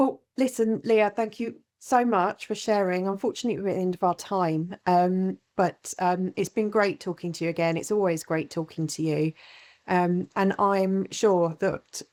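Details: Adult woman speaking; typical speech.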